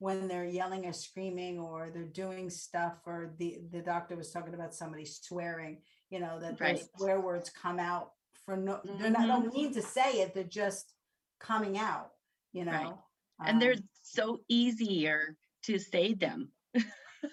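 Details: Adult woman speaking; normal speech.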